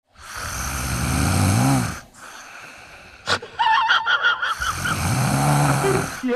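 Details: Person in a snoring challenge makes two long, loud, rough snores, with a gasp and laughter in between: heavy snoring.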